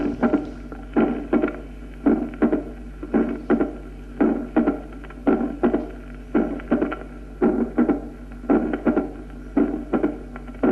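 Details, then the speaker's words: Regular heartbeat near 56 a minute, with a sharp extra click just after the second sound in each beat: opening snap. "si el primer ruido no es intenso no se trata de chasquido de apertura sino de un doblamiento del segundo ruido"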